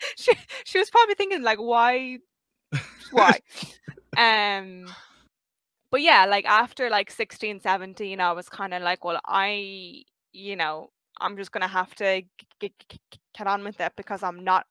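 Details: 23-year-old who has stuttered since age five; stuttering.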